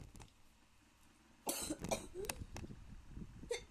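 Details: Person apologising for coughing: a few short, abrupt, rough, throaty cough bursts after a quiet start, against faint room noise.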